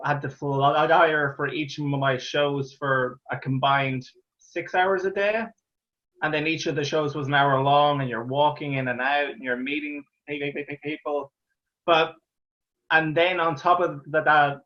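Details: Real stuttering (stammering) in an adult Irish man, a stand-up comedian who stammers, heard talking in an interview.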